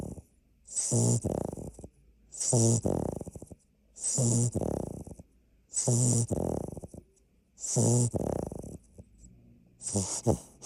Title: Sound On : Kona (our largest pup) snoring! 💤 #labrador #puppy #puppies #puppysnores #puppysnooze